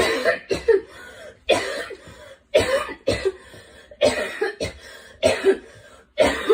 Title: Girl coughing 171